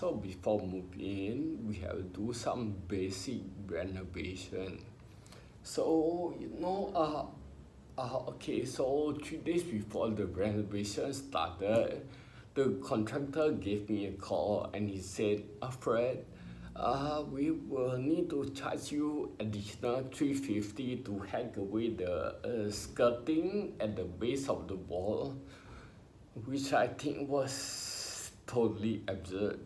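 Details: Adult male with spinocerebellar ataxia diagnosed about 20 years earlier, affecting motor skills including walking, talking and writing, who mentions speech therapy: ataxic dysarthria.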